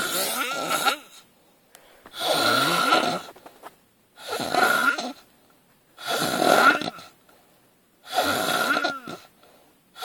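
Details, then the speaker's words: Heavy snoring during sleep: loud rattling snores with quiet pauses between them, about 5 in 10 seconds, roughly 30 breaths a minute. "Ты не веришь, блядь, что ты так храпишь. Послушай, как ты храпишь, сучка."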